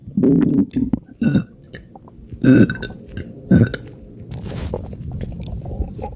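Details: Non-stop belching with bad bloating: several deep, loud burps in a row with gurgling between them.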